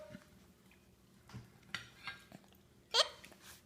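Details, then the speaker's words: A young child, a toddler being fed at mealtime, gives brief, sharp hiccups amid quiet room noise and dish clatter. "Hiccup? Do you have the hiccups?"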